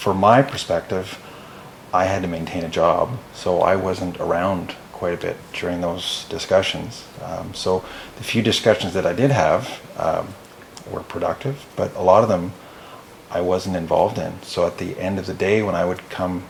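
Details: Adult male speaker; normal speech.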